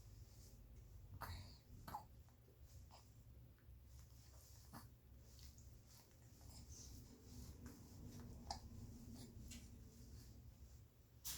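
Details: 67-day-old happy infant: soft, abrupt hiccups recurring every few seconds over quiet breathing and low room rumble.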